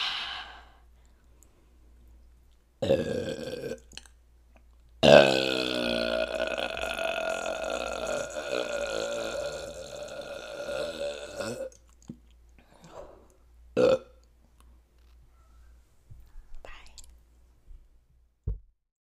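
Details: Several burps, including one long drawn-out belch, after drinking a peach bubbly drink in a quiet room; eructation.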